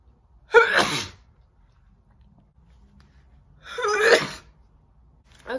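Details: Woman's sneezing: two loud, explosive wet sneezes a few seconds apart, with the start of a third, in a quiet room.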